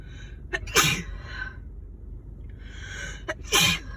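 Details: Adult woman sick with a winter cold, sneezing intensely and nonstop: two sneezes, each a drawn-in breath followed by a forceful explosive release.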